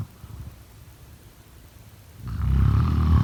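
Quiet breathing, then a loud, deep, rumbling snore that begins near the end: snoring.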